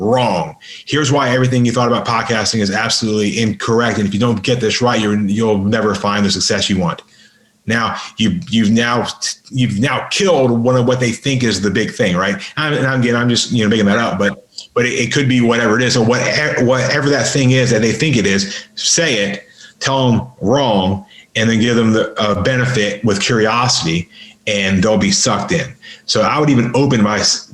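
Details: Adult man with a lifelong severe stutter, worked on intensively, including 12 or 13 days of practice at a speech school, speaking in a podcast conversation: stuttering.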